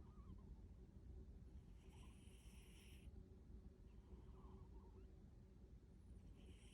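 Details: Two faint, slow, honking sounds on the breath over steady low room rumble from a sleeping cat; cat snoring.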